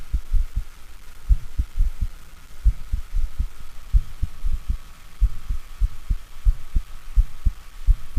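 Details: Low-pitched rumbling diastolic murmur starting after an opening snap and lasting until mid-diastole, from mitral stenosis with an enlarged left atrium and thickened but mobile mitral leaflets.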